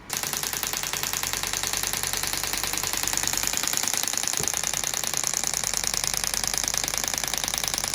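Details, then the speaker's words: Third shockwave session (with class 4 laser to follow) for heel pain in a chef whose pain returns after long standing: rapid steady mechanical tapping, about 200 pulses a minute, as the shockwave device delivers pulses to the heel. "so today's your third session wonderful we're gonna do shockwave"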